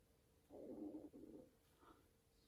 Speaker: Did you hear that? That was my tummy. Because I'm so hungry.